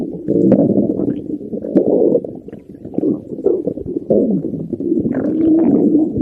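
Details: Stomach growling (borborygmi) in an older recording.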